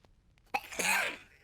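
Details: A single sneeze: a quick in-breath, then one loud, hissing burst with a voiced 'choo' tail.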